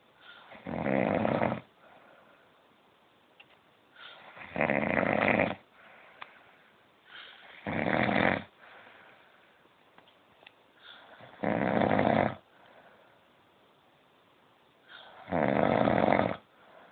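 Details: Adult man (a dad) snoring in sleep: five loud, rough inspiratory snores at a slow regular pace, about 17 a minute, with quieter breathing between.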